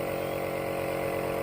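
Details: Home nebulizer compressor running during a child's nebulization for cough and cold: a steady mechanical hum with a fixed buzzing tone.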